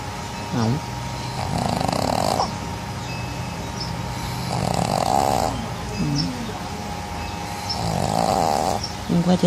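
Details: Pug, a flat-faced dog, snoring loudly in sleep: loud, rough snoring breaths at about 19 per minute over steady background hum.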